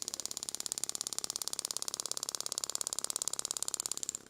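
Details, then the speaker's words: Radial shockwave therapy demonstrated by a physiotherapist at 2.2 bar, 17 Hz, 3000 shocks, not full depth, handpiece held about 45 degrees and moved: rapid, very regular sharp ticking pulses, about three to four per second. "I'm using a 2.2 bar 3000 shocks on 17 Hertz yep so it's quite high not at the full depth"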